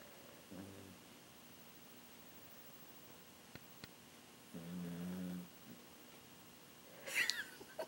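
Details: Pet dog sleeping in a quiet room, giving a few soft snoring breaths, one louder and longer, with a brief squeak near the end; dog snoring.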